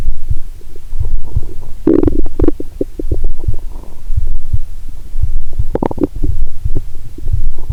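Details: Stethoscope on the belly while lying down, after drinking cola and swallowing Mentos (not the full 1.5 L finished): low gurgles and rumbling bubbling with muffled thumping, heartbeat also audible; active bowel sounds.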